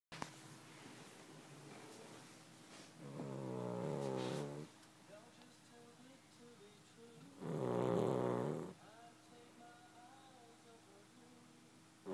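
Two loud, rattling snores a few seconds apart over quiet background music; ordinary snoring in a sleeping dog.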